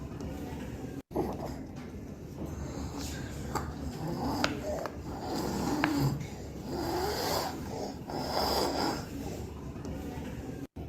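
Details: Stridor in a toddler with subglottic stenosis; noisy breathing appeared suddenly around 6 months of age, unlike laryngomalacia; stridor.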